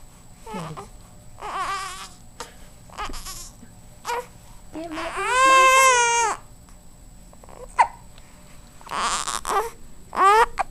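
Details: 13-day-old infant unhappy during tummy time: fussing in short bursts that build into a full wailing cry, then settle back into whimpers; infant crying.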